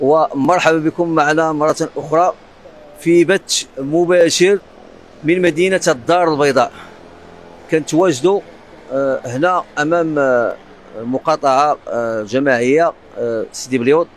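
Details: Adult male reporter; ordinary speech.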